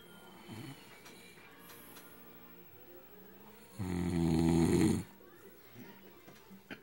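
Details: Adult man snoring after heavy alcohol drinking: one loud, low, rattling bullfrog-like snore lasting about a second over quiet room noise, very loud heavy snoring during sleep.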